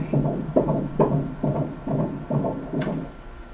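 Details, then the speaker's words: Rapid, regular whooshing pulses: normal fetal heart rate of 132 on ultrasound, probe right over a heart valve, in a baby boy during a first pregnancy. "Right over one of the valves. So it has a nice sound to it. 132. That's perfectly normal for a baby."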